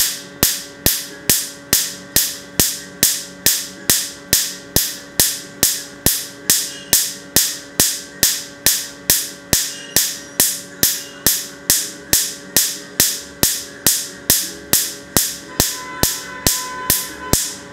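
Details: Permanent tattoo being removed with a Q-switched laser: sharp, regular snapping clicks about 46 a minute over a faint steady hum, the laser pulses.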